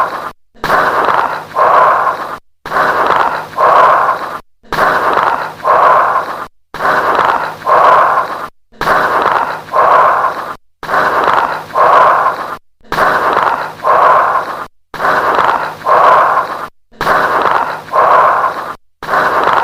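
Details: Auscultation recording of loud, harsh, hollow breath sounds at about 30 breaths a minute with late-inspiratory crackles, typical of lung consolidation: bronchial breath sounds with late-inspiratory crackles.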